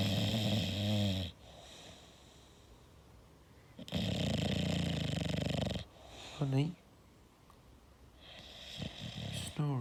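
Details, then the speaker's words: English Bulldog sleeping: loud, harsh rattling snores in long breaths separated by quiet pauses, with a few brief squeaky sounds; snoring. "snoring, darling. Honey, are you okay? You're snoring."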